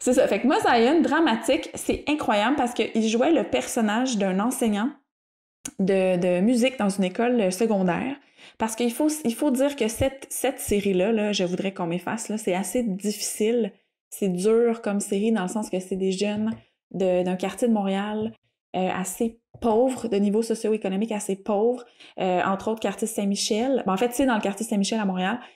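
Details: Adult woman speaking French; normal fluent speech.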